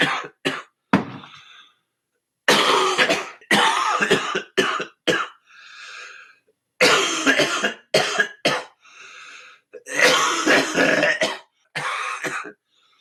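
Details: Coughing compilation from an adult smoker; repeated harsh coughing fits in short bursts, with throat clearing in between.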